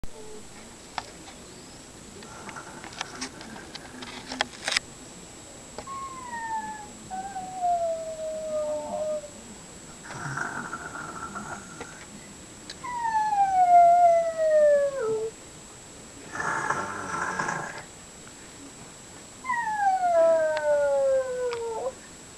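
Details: A 3½-year-old girl pretending to snore: falling voiced hums alternating with rough, breathy noisy breaths.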